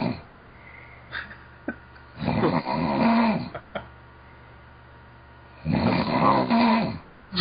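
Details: Snoring: two rough, rattling snores about three seconds apart over room hum, from a person snoring loudly, heard during a Skype call.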